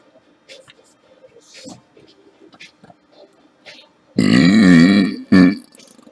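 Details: Woman deliberately burping for fun, weak burps running out of steam: soft background sounds, then a long, loud, voiced burp followed by a short second burp.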